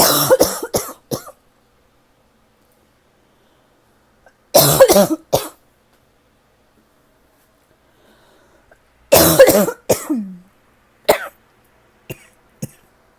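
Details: Person with an ongoing cough that they feel is finally getting a little better: three fits of short, dry coughs, three or four per fit, with quiet gaps between; a tickly, irritative cough.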